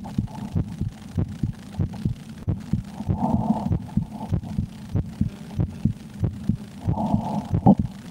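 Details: Steady low double thumps at about 94 a minute, mildly quick, over a soft hum: the recorder's own heart, heard while playing the horror game Slender: The 8 Pages amid extreme fear; normal heartbeat.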